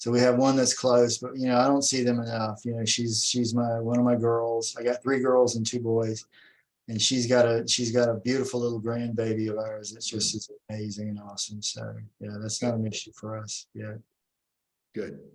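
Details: Adult male speaker; conversational speech.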